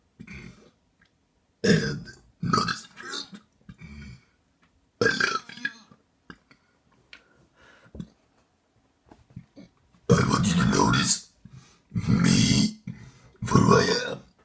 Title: Send this to your crush and she/he'll be very impressed, 100% guarantee (If they like burps)